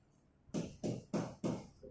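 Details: Chest percussion during a trauma initial assessment: resonant (sonor) note on the right; the left side, with chest wall bruising, reduced movement and faint breath sounds, is hyperresonant (hipersonor).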